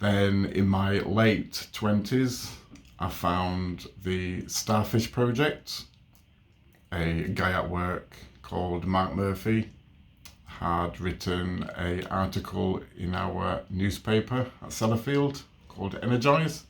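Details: Adult man with a stammer since age three, overt in childhood, who attended speech therapy from ages 3 to 12; stammering.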